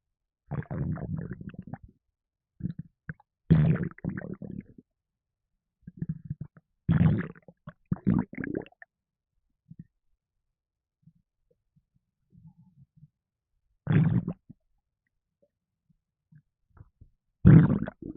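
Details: Low bubbling gurgles and rumbles in irregular bursts with quiet gaps after drinking a can of Red Bull energy drink, which made the person gassy; stomach gurgling (borborygmi), with burping also in the recording.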